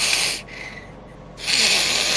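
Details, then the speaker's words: Person imitating a cat's wheezy snoring while the cat sleeps sitting up: two airy, hissing breath bursts; imitated, not the real snore. "yeah he's just he's just Wheezy snores it's super cute"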